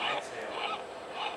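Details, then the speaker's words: Dog with laryngeal paralysis (context: juvenile laryngeal paralysis and polyneuropathy in Black Russian Terriers): harsh, honking inspiratory stridor, noisy on breathing in unlike asthma, showing trouble moving air into the airway. "But these guys come in with classic paralysis as they're quite as loud but they listen carefully wheezing. In contrast with asthma it's easing when they inhale"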